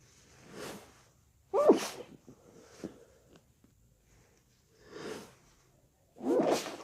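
Repeated sneezes, some with a voiced 'achoo' and wet spray, separated by breaths; a run of wet sneezes.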